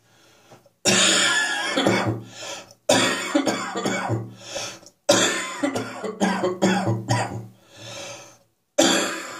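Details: Repeated harsh hacking coughs in several long bouts with brief pauses between; a persistent morning cough that is still lingering.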